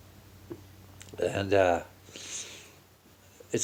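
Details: Person just waking in the morning, stuffed up since the night before, in a bad sneezing spell: a single voiced sneeze with sharp indrawn buildup and forceful burst, then quiet breathing in a small room.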